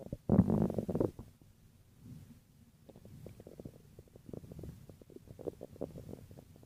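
Low gurgling and rumbling bowel sounds with a louder burst at the start; ordinary stomach growling.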